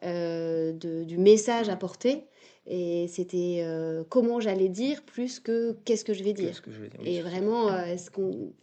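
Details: 22-year-old man who has stuttered since early childhood, which was marked by a slight speech delay; stuttering.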